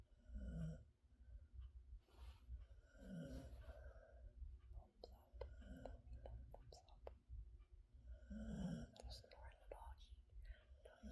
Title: Max the Blue-Heeler Sleeping & Snores in my Arms